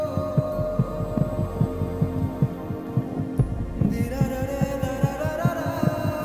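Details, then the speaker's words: Baby's heartbeat recorded secretly at a pregnancy checkup, replayed to the expectant mother in a Telugu TV drama: fast, regular soft thumps at about 140 a minute over a steady hum; fetal heartbeat. "ఈరోజు మీరు checkup కి వచ్చారు కదండీ అప్పుడు మీకు తెలియకుండా baby heart beat record చేయించుకొని తీసుకొచ్చాను."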